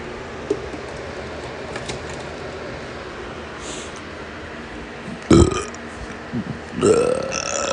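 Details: Excessive burping: two loud burps break through steady room noise; belching.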